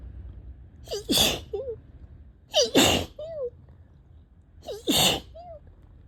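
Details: Three loud sneezes about two seconds apart, each with a rising voiced intake and a short voiced sound after: repeated sneezing.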